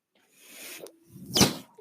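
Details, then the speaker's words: Home mechanical ventilator delivering breaths, heard as two short airy whooshes at the start of a podcast recorded by its user. "hello everyone my name is that noise hearing is my ventilator and welcome to page turners"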